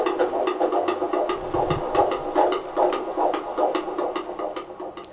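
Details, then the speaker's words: IVF pregnancy after the first trimester: fast, regular whooshing fetal heartbeat on Doppler, about 145 a minute, found after about a minute of searching, the first time the parents heard it; normal fetal heartbeat. "so that was cool yeah really good news it was so nice because that's the first time we've ever heard it"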